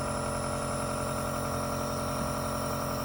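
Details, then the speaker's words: Steady mechanical motor hum and buzz of a nebulizer compressor running continuously while a young girl receives steam treatment for a cold with chest congestion. "आज उनको nebuliser लग रहा है थोड़ी सी सर्दी हो गई थी और कफ जमा था"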